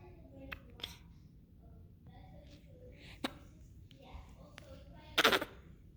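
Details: Infant with repeated hiccups that won't stop: several short, sharp hiccups between soft baby sounds.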